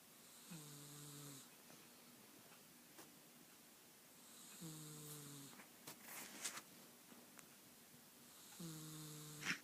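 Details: Calico Himalayan cat asleep with one eye open: soft, high whistling snores on each breath about every four seconds in a quiet room; snoring.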